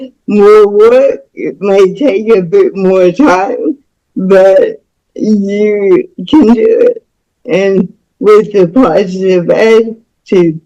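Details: Woman about to turn 49 with cerebral palsy since birth, which she attributes to being born with the umbilical cord around her neck five times; real, unacted speech; speech in cerebral palsy.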